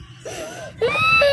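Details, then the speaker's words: A young child cries after a fight with the mother: a brief whimpering cry that rises into a louder, ordinary upset wail. "Bakit kaya may naiyak na bata? Sabi niya daw ako love eh."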